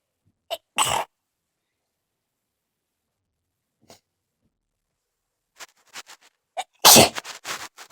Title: Some wet sneezes...should I try stifles?